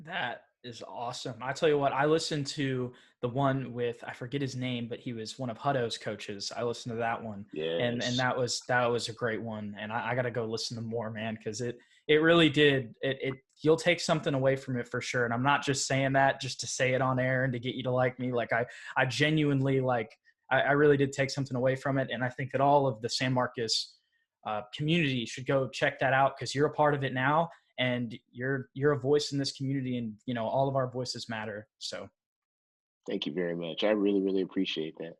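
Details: Adult man; normal conversational speech.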